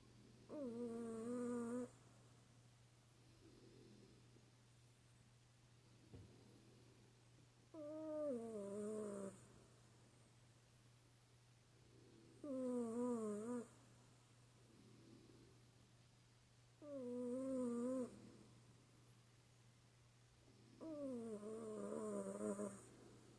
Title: Cat snoring